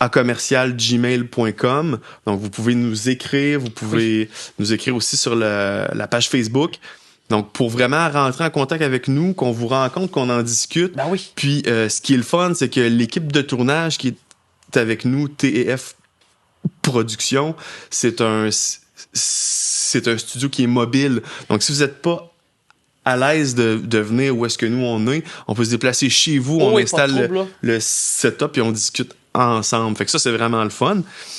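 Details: Adult man, self-described mild stutterer, who had speech therapy as a child; speech with repetitions; stuttering.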